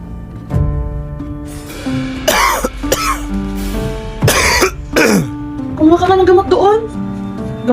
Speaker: mo nga yang ubo na yan. Baka mahawa pa ako sayo eh.